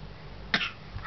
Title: coughing baby